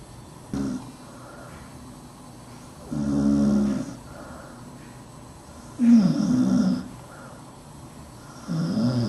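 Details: Dachshund dog sleeping under a desk, snoring: low rattling snores with each breath, about 20 a minute, irregular in spacing and strength.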